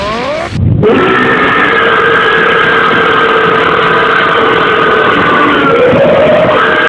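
One long, sustained, loud, rumbling burp lasting several seconds.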